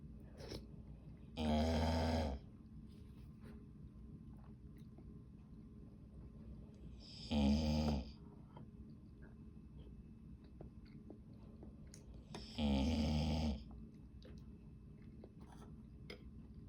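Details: Dog: three loud, rattling snores, one every 5 to 6 seconds, about 11 breaths a minute, with quiet between them; snoring.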